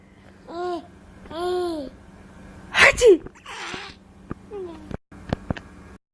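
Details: Adult's playful sneeze, with an infant's babbling and laughter before and after; the baby laughs at the sneeze. Ordinary sneezing.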